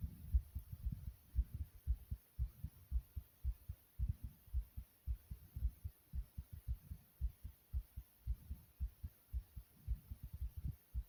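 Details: Person's own fast heartbeat: rapid, regular low thumping at roughly 110 beats a minute.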